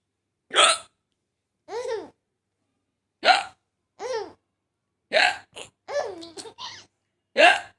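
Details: Mother's hiccups: abrupt voiced hiccup sounds recurring every second or two, mixed with short bursts of laughter; hiccups.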